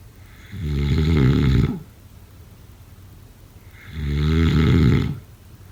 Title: #snoring #sleepnoises #snoringasmr #snoringsleepingsoundeffect